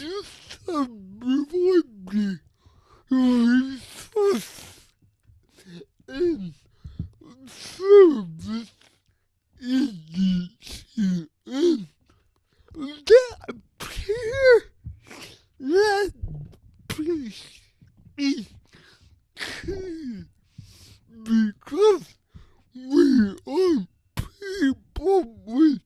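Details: Adult man with cerebral palsy who reports a speech disability; his speech is revoiced by another speaker; dysarthria (cerebral palsy).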